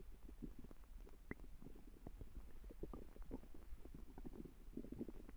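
Steady low rumbling with many small pops and gurgles throughout. This is ordinary stomach growling from gas and fluid moving through the gut.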